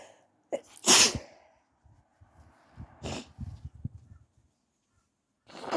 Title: Morning sneezes whilst still sleepy 🤧🥰